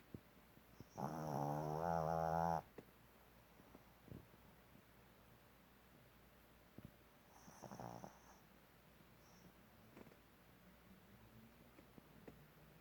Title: 떡실신 코 고는 강아지 ("Flopped-out Puppy Snoring")